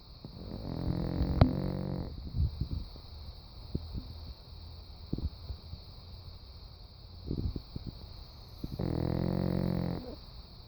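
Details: Snoring during sleep, recorded at 3:45 AM: two long, low, rumbling snores several seconds apart with soft snuffling breaths between them.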